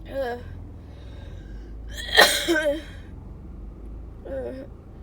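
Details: Sneezing from a person unsure whether it is allergies or a cold, who also has a wet, barking cough and is sneezing constantly: one forceful sneeze with short voiced sounds before and after, while trying to talk through it.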